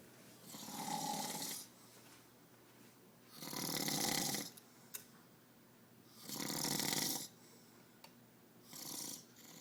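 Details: A father snoring heavily: loud, harsh, rattling snores of about one second each, recurring about 22 times a minute in a quiet room.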